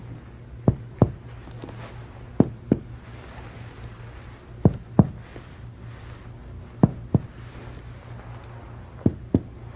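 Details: Resonant percussion note over the anterior chest of a healthy patient lying supine and breathing normally, during a respiratory examination.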